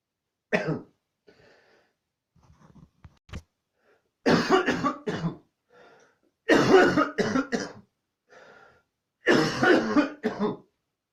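Repeated harsh coughs in clusters of two or three, with quiet breaths between; a coughing fit.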